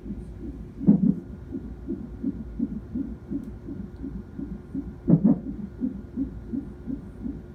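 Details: Infant's first hiccups: two sharp, abrupt hiccup bursts over steady soft, rhythmic low background sounds.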